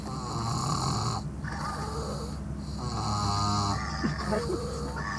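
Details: Loud rattling snore with a steady low buzz through repeated breaths. Snoring.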